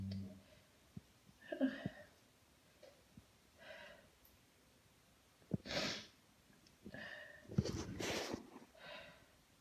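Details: Sneezing after a shower: several sneezes with audible inhaled build-ups and sniffing between them, in a quiet small room.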